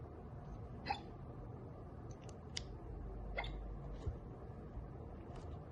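Sharp, brief hiccup clicks at irregular intervals, about five in six seconds, over steady room noise.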